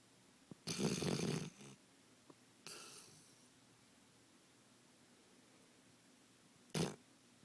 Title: snoring 2